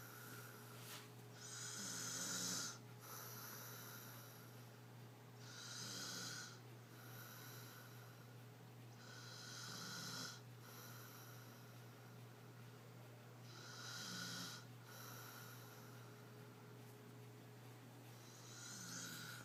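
Rough, rattling snores with each breath in, about 16 a minute, over steady low room hum.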